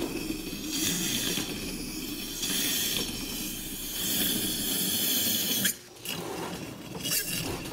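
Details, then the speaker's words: Steady hissing rush with gurgling surges as the high-volume evacuator (HVE) tip is moved in and out of evacuation line cleaner during end-of-day dental office closing routine to create turbulence and clean lines; dental high-volume suction. "do the same thing for the hve making sure the typical hpe is placed in and out of the evacuation line cleaner"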